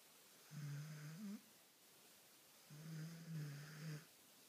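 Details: Australian Kelpie dog after a long day: two long, low, humming snores about two seconds apart in a quiet room; ordinary snoring.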